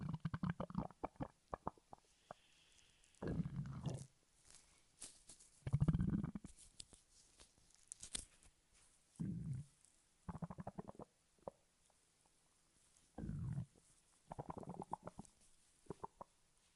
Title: stomach growl in 3 minutes a 5 seconds